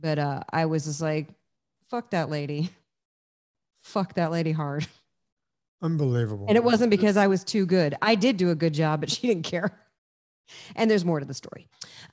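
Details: Adult speaker; normal speech.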